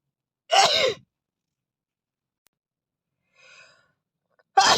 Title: Asian Boy messy Sneeze 🤧